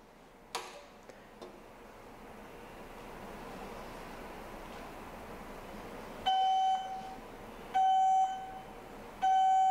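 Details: Heal Force EB03 electrosurgical generator just switched on with pencil and return plate attached but plate not yet on patient's skin: three loud steady alarm tones over quiet room noise; return electrode alarm.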